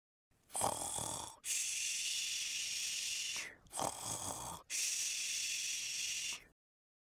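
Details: Snoring sound effect: two snoring breaths, each a rough rattling inhale followed by a long hissing exhale.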